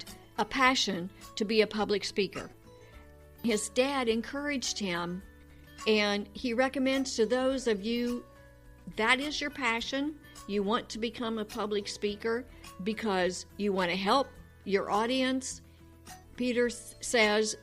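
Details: Adult woman speaking; Normal speech.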